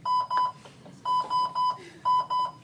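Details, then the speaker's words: Hamilton Galileo ventilator demonstration, ET tube occlusion simulated by a hand over it: repeating groups of loud, steady high-pitched beeps as pressure rises and stops with no volume delivered, a high pressure alarm. "happens when we hit a high pressure alarm look there's no volume nothing being delivered it's just going up and just stopping going up and stopping so that's a good example of what happens when you get a high pressure alarm no ventilation is actually happening on this patient"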